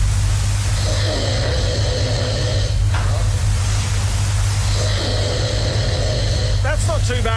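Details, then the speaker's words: Adult man recorded asleep by a sleep app, his face previously broken and rebuilt with metal and airways poor, after drinking; two long rough rattling breaths about four seconds apart over a low rumble: snoring. "D what's that like for with sleep at you yeah that's pretty bad that sounds like you've got a bit of sleep isues there"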